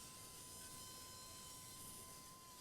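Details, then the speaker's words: Steady high-pitched whine with hiss from a powered surgical drill cutting bone continuously during endoscopic removal of a recurrent inverted papilloma in the left nasal cavity of a 43-year-old man; the surgeon calls for irrigation. "see I'm drilling away this entire projection I need irrigation"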